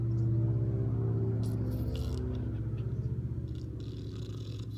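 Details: Yellow Labrador puppy napping after playing hard, snoring: continuous low, rumbling, fluttering snore with faint room noise.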